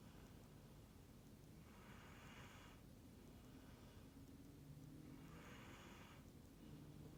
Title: Husky snores